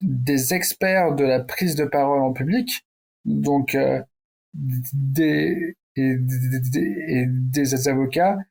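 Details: Adult man who stutters, founder of a French public-speaking contest for people who stutter; stuttering.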